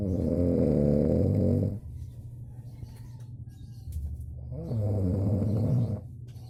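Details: Heavy snoring in a sleeping man who complains he can't sleep: loud, low, fluttering snores on each breath in, separated by quieter breathing.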